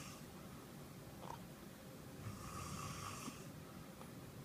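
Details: Father snoring during sleep: low, rough, rattling breathing noise through a steady background hiss.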